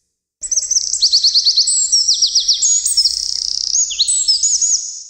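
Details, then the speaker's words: Bright, high-pitched birdsong with rapid trills and whistles, played unprocessed as a normal reference with clearly audible high frequencies, before hearing-loss and hearing-aid frequency-compression versions. "primero se escuchará un ejemplo sonoro normal sin procesar donde las frecuencias agudas son claramente audibles"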